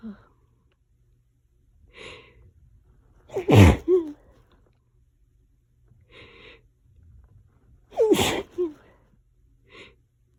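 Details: Nonstop allergy sneezing in a bout that lasted about 20 minutes: two forceful sneezes, each preceded by a sharp intake of breath, with quieter breaths between.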